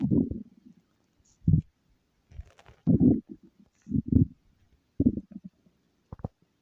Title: stomach growl